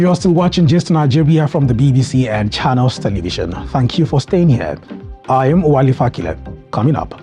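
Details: Adult male presenter; normal speech.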